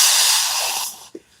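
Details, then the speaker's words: An adult CPAP user with sleep apnea imitates the steady hissing rush of continuous airflow from a ResMed CPAP (with a BiPAP option), which then fades out; an imitation of CPAP continuous airflow, not the real machine. "so they also have like different levels where you can turn on the BiPAP which means um so like the continuous the CPAP stands for continuous pressure where the BiPAP is by level pressure so it's supposed to be closer to your breathing so the CPAP is just like"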